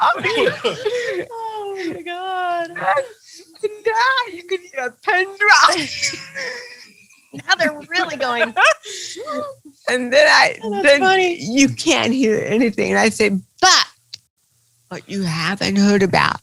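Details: Adult woman comedian with cerebral palsy, real, speaking in an interview; dysarthria (cerebral palsy).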